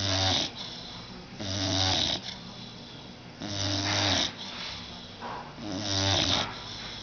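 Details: Approx. 6-month-old blue nose pit bull, sound asleep on sofa after a bath: loud rhythmic rough snore with each breath, about 15 breaths a minute; snoring.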